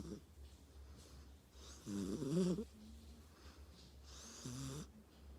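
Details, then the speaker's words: Sleeping dog named Tank snores twice, a louder fluttering snore then a softer one, with quiet breathing between and a low room hum; ordinary snoring. "Hi, I'm Tank. It's my snoring sound.(ASMR)"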